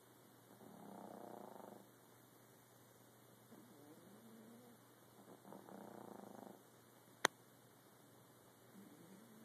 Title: My baby snoring...